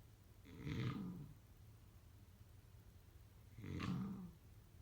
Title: #sleepnoises #snoring #snoringasmr #snoringsleepingsoundeffect #snoringsounds